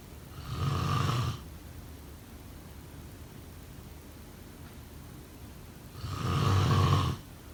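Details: Two loud, rattling low snores on breathing in, about five seconds apart, with quiet between: snoring.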